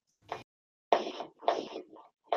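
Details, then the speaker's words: Needle EMG speaker output: sharp crackling bursts at uneven, irregular intervals, fibrillation potentials, an abnormal spontaneous discharge at rest. "and so here this is the fibrillation this is actually one like I said"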